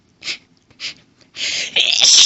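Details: Woman's sneezing fit while reading a book aloud, sneezes described as intense and violent: two short hitching breaths, then a rising build-up into a loud, forceful sneeze.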